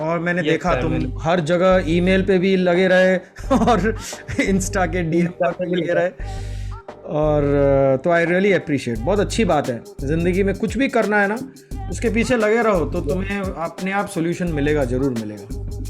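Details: Adult male speaker; fluent speech.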